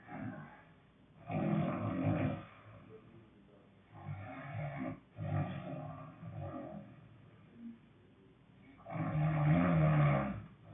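Deep, growling, rattling snores on long breaths, with rougher, softer sounds in between and a muffled recording.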